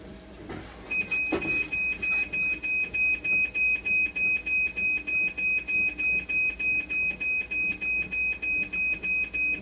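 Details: Rapid, regular high-pitched beeping, about 200 per minute, after a few handling clicks: dialysis machine alarm during repair testing for an actuator board not working, buttons not pressable.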